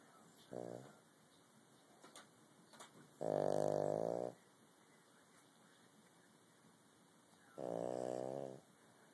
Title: snoring